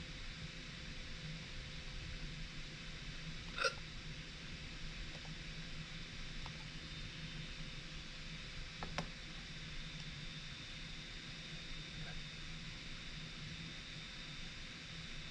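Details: Recorded hiccups with no talking: about five brief, sharp hiccups in fifteen seconds, some very faint, over steady room hum.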